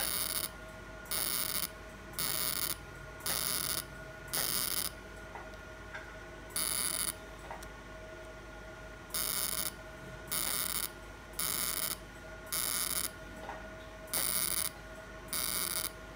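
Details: Repeated short hissing bursts, about half a second each at uneven intervals over a faint tone: fractional CO2 laser pulses on a non-hypertrophic part of a male patient's accidental hand scar, after topical anesthesia and mesotherapy.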